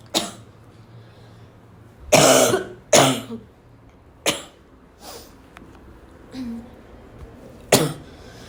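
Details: Several sharp, harsh, dry barking cough bursts separated by pauses; a dry barking cough.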